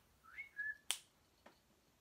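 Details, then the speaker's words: Person with Tourette syndrome: a brief two-note whistle, then a sharp click and a softer one; a real whistling vocal tic, triggered by talking about whistling. "that was an actual tick cuz I was talking about whistling uh I do that one"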